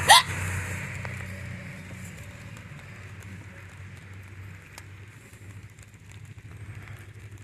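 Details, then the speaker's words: Person hiccuping outdoors by a pool, hiccups ending after a cough: a single sharp hiccup, then quiet outdoor background noise. "all right there's your hiccup video I don't think I got more the cough got it out"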